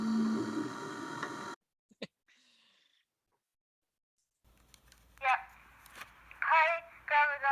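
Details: Childhood recording from grade three of an autistic boy who stuttered, after not talking and echolalia as a preschooler; real stuttering.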